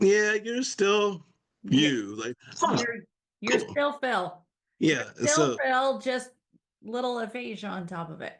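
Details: Adult speaker in conversation; no disorder.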